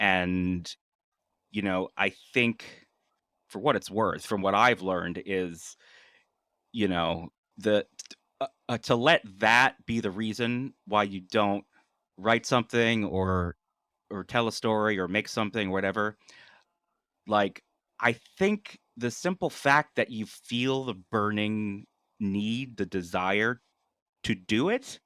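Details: An adult male who has stuttered all his life; stuttering.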